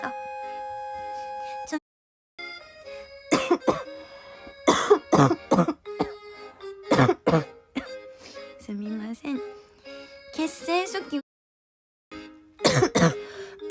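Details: Girl who says her cough won't stop gives repeated short coughs and throat clearing between quiet apologetic speech, with background music; persistent nagging cough and throat clearing.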